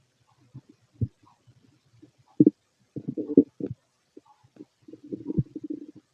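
Irregular low gurgles and bubbling rumbles in short bursts; ordinary stomach noises on an empty stomach.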